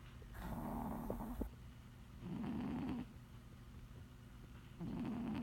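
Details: Sleeping 20 lb cat napping: three rattling, purr-like snores, each about a second long, separated by quiet pauses.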